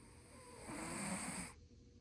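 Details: Snoring in a sleeping cat, recorded on an iPhone 14 Pro Max: one soft, rattling snore on a single breath against a faint hiss.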